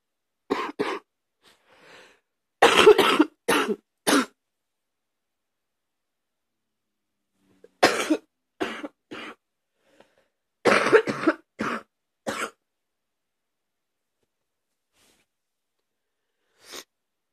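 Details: Adult gives several bouts of deep, harsh coughing with quiet pauses between them; deep morning cough.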